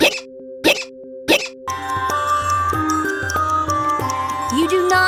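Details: Cartoon hiccups: three short, sharp hiccup sounds about half a second apart, followed by music with no further hiccups.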